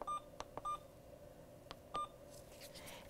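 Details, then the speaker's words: Several short, high electronic beeps from keypresses as an infusion pump is programmed for a secondary line: vancomycin 500 mg in 100 mL over 60 minutes, primary normal saline; nursing lab demonstration. "I can then go ahead and select my secondary. And I'm gonna find the vancomycin. It is 500 milligrams in 100 mLs."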